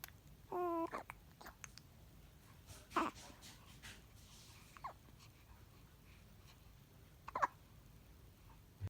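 Quiet room with a few brief, sharp little catches and a short squeak from a newborn, fitting infant hiccups.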